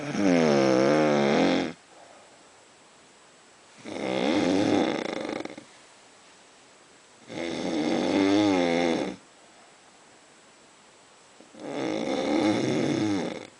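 Loud, regular rattling snores, each about two seconds long, recur roughly every three to four seconds, about 16 per minute.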